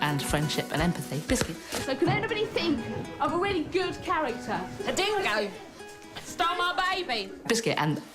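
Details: Female with Tourette syndrome, involuntary vocal tics repeatedly saying 'biscuit' and other random words, hundreds to thousands of times daily; vocal tics (Tourette syndrome).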